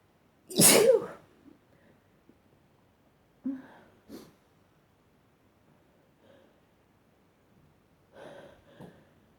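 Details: Person in a sneezing session with some stifled and some strong, wet sneezes: one loud, forceful sneeze, then a few softer breaths and small stifled sounds in a quiet room.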